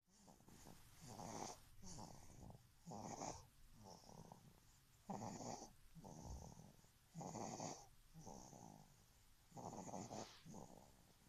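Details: Soft, snuffling snores with whistly breaths in a quiet room, roughly 27 a minute and uneven; ordinary sleep snoring in a dog.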